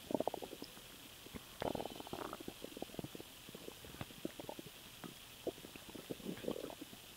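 Soft scattered gurgles and pops over a steady background hiss: stomach rumbling after swallowed air, a normal finding.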